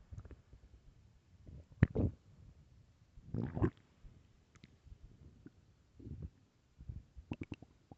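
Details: Borborygmi.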